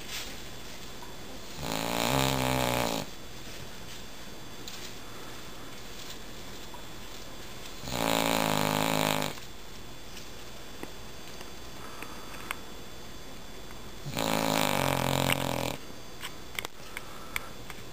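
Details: Three loud, rough snores about six seconds apart, roughly ten a minute, over steady room hum; snoring.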